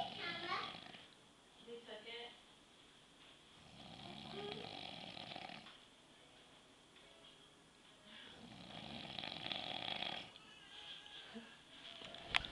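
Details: Very loud snoring from a male sleeper.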